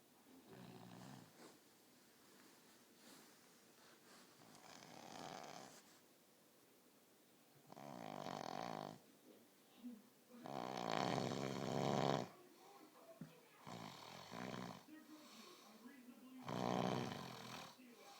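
Rough, rattling breathing noises recur unevenly in a quiet room, with some louder bursts between softer breaths: snoring.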